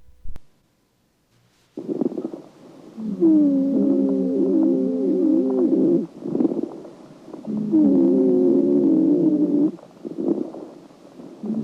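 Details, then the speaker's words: Lung auscultation in chronic obstructive pulmonary disease: two breaths, each with a long, musical, whistling wheeze, followed by quieter breathing. "当有慢性阻塞性肺病时，呼吸的声音如"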